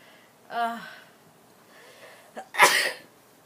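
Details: A sneeze, followed by laughter.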